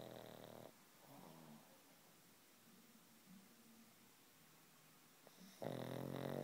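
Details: Sleeping, twitching pug, seemingly dreaming: loud, rattling snores with quieter snuffling breaths between them.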